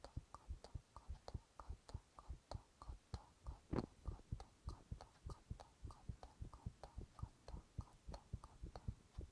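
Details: Male Japanese ASMR recording of his own heart sounds while whispering onomatopoeia: soft, fairly quick normal heartbeat, roughly 100 a minute, with faint whispering and handling noise.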